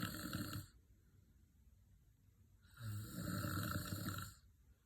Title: Loud snoring 😤